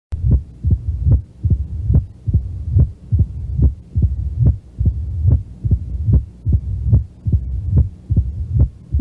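Regular heart sounds at about 72 beats a minute with a low rumble between beats, typical of mitral stenosis.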